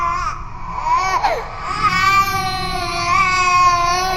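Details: Designed horror sound effect, not a real infant: sustained high-pitched wailing ghost-baby cry with rising and falling pitch, built from layered ambience, reversed textures, distortion and cinematic processing; simulated infant cry.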